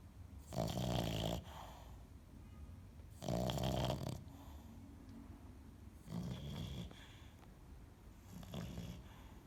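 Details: A dog nicknamed Piglet, described as acting like a pig, snoring while asleep in rough, low rattling bursts about every three seconds, roughly 22 a minute.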